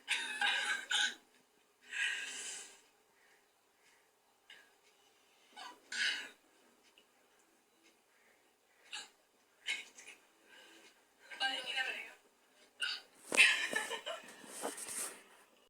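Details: Repeated hiccups (hichki) from an Indian girl: about ten short, abrupt breathy catches at uneven intervals over fifteen seconds.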